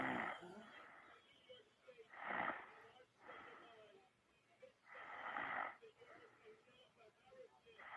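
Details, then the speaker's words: Repeated loud, rasping snores alternating with deep breaths, roughly every two to three seconds; snoring. "Okay, we got a little sleepy snores. Let's see what happens."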